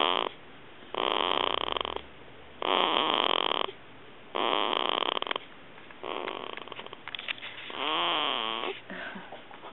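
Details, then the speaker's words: Snoring in a sleeping 2-week-old baby girl: repeated noisy, rasping breaths about every 1.5 seconds, roughly 35 to 40 a minute, ending in a small fussy sound. "I'm trying to take a video of her snoring."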